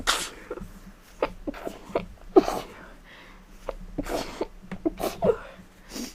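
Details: Several sharp, explosive sneezes in a row with quiet breaths between, from an adult with a cold who insists the sneezes are not fake.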